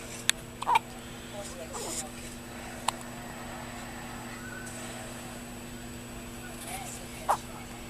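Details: Newborn baby with hiccups: a few faint, sharp hic sounds at irregular intervals over a steady room hum.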